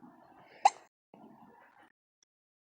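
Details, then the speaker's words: A single sharp, abrupt hiccup from a napping baby girl between soft fussing sounds; the hiccups are making the baby fussy. "Oh no! Not the hiccups! Oh crap! Jocelyn! I know, mommy hates hiccups too. They're annoying."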